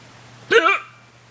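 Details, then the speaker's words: A person's own loud, involuntary hiccups, which they say hurt: a single loud, abrupt voiced hiccup, a sudden catch of breath with a short vocal yelp, in a quiet room. "this is me hiccuping. I I can't control it. Okay, it happens."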